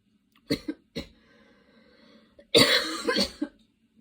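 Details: Two short coughs, a brief pause with a faint hum, then a longer harsh cough burst with throat clearing, recorded in the afternoon.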